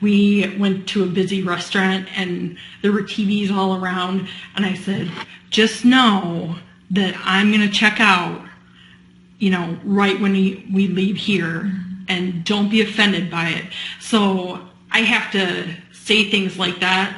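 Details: Adult woman with speech and language impairment after surgery for a brain tumor diagnosed last year, now with mild residual difficulty that worsens with fatigue; mild acquired speech impairment with drawn-out sounds and pauses.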